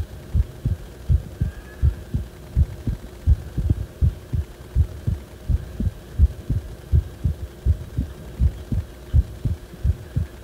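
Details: Heartbeat about 80 per minute, low thumps with slightly uneven spacing, recorded when the heart went wrong; abnormal heart sounds.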